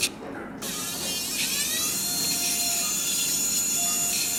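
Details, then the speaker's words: Continuous high-pitched whine of a diamond dust burr drilling canal bone to expose the anterior annulus during right transcanal tympanoplasty with canalplasty for a near-total perforation, in a very bloody field. "In fact, I have to drill more than I was thinking to expose this anterior annulus."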